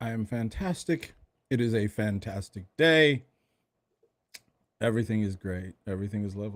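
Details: Adult male speaker; normal voice.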